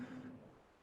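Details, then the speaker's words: A brief, faint, steady musical note: a lecturer's imitation of stridor, the high-pitched noise of a narrowed upper airway, contrasted with low-pitched stertor. "Again, stertor is coarse noises compared to stridor, high pitch. Stertor is low pitch."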